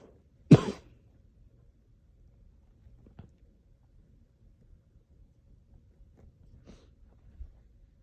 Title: me coughing after hitting my pen￼